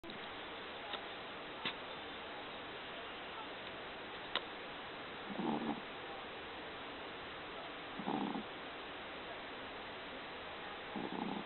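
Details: Small sleeping Maltese dog snoring: soft, rough snoring breaths about every three seconds over a steady background hiss.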